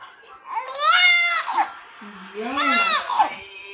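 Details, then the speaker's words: Two loud, high-pitched wailing cries from a baby boy separated by a short pause; infant crying. "அழகா இல்ல ஆனா ஏய் குச்சாவத்திரி வர மகன் அதுக்கு தான் அழுறான்."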